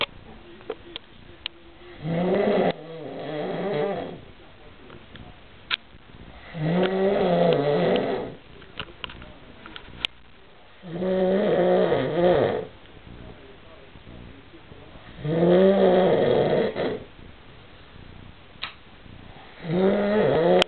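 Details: Loud, regular rumbling snores on each breath, about 14 a minute, with some faint clicks between them: snoring.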